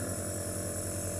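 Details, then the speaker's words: Compressor nebulizer (inhalation device) running with medicine for a child; steady low mechanical hum and buzzing motor drone. "terlihat kalau dari dekat terlihat asapnya Hai nah kemudian pas disaat sianat dipasangin alat ini di anjurkan itu kita menyuruh si anak untuk menarik nafasnya dari hidung dan dia membuang itu dari mulut"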